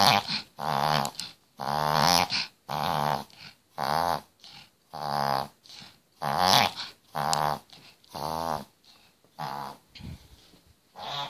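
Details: Chihuahua with collapsing trachea in a long episode: rapid, repeated loud honking snorts about one a second; vet calls it common in the breed; triggers include cold air, excitement, drinking fast, running, licking; gums go purple; reverse sneezing.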